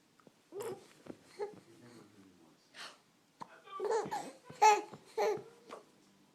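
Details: Baby babbling and giggling in a quiet room, with several short abrupt catches in the breath fitting hiccups.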